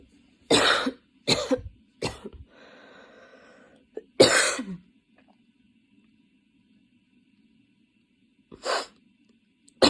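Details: Coughing fit that came on while studying and worsened until intense; five harsh, forceful coughs in quick bursts, a pause, then a sixth cough over quiet room hum.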